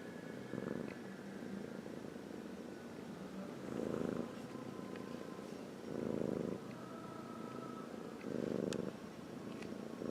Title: Snore sound